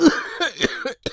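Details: An adult man gives a run of rough, harsh coughs, about four bursts in quick succession, acted for comedy in a promo; a plain staged cough.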